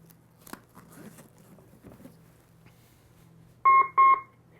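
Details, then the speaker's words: Training AED during cardiac arrest management scenario with bystander CPR in progress, after power-on: quiet rustling, then two loud steady electronic beeps prompting electrode pad connection before stand-clear. AED prompt beeps. "stand clear the ad will prompt you to stand clear of the patient and not not only do you need to verbalize this first scenario you need to make sure bystanders aren't touching the patient as well"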